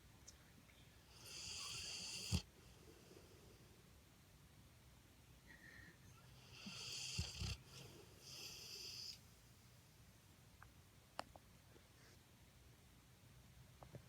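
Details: A Pitbull, asleep and apparently dreaming, makes soft breathy snores and snuffles with faint clicks and twitch sounds in a quiet room: dog snoring.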